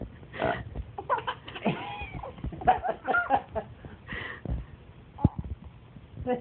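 Low croaky burps mixed with an infant's giggles and adult voices, over room noise.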